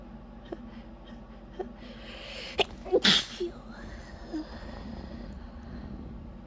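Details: Easily provoked sneezing at night, deliberately kept quiet: a few soft breaths and catches build to one muffled sneeze burst with a smaller follow-up; low room hum behind.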